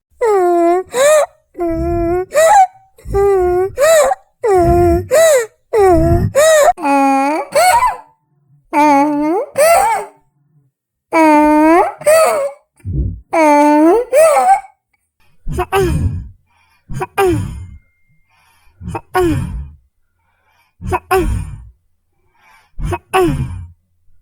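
A child makes repeated voiced moaning grunts with breaths, about 30 a minute, a sign of respiratory distress.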